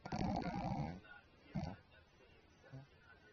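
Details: Snoring during sleep: a loud rumbling snore followed by a shorter snort and a faint third breath sound.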